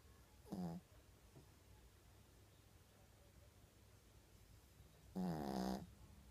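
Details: Snoring, sound only.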